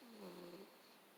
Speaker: Oh my god. This cat sounds like a person snoring.